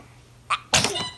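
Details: A brief intake sound, then one sharp explosive burst from a baby; a single normal baby sneeze.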